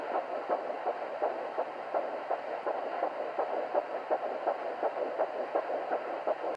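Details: Fetal heartbeat at 7 weeks 6 days of pregnancy: fast, regular whooshing beat in the 170s per minute, with the mother's slower pulse in the 80s beneath; first heartbeat heard.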